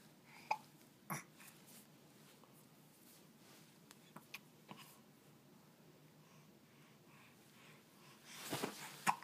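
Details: Several short, sharp, irregularly spaced hiccups from a naked 7-month-old infant in a quiet room; ordinary infant hiccups.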